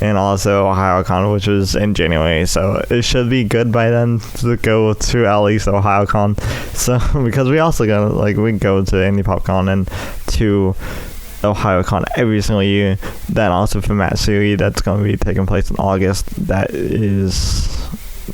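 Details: Speech impairment in an adult male with cerebral palsy affecting his right side, especially his right arm and leg, which he says also causes his speech impediment.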